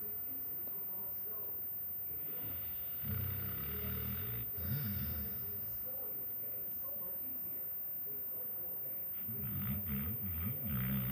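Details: A sleeping Basset Hound dog snoring: two long, low rumbling snores, each a few seconds, separated by quiet breathing.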